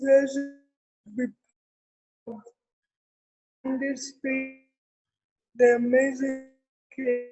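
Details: Real speech from an adult woman with cerebral palsy: dysarthria (cerebral palsy).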